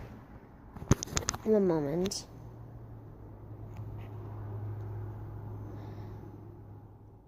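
A short run of sharp bursts ends in a rising and falling squeaky, voiced squeal, then a low room hum. An unusual sneeze.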